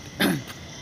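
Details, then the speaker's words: Man with a mild, intermittent cough during the rainy season: one short, light, soft cough. "मैं अभी जा रहा हूँ जो है कफ सिरप लेने के लिए, और क्योंकि मुझे जो है कफ आ रहा है, रुक रुक कर खांसी आ रही, तो हो सकता है आगे बढ़ जाए खांसी, इसलिए जल्द से जल्द जो है दवा मैं ले लूँ।"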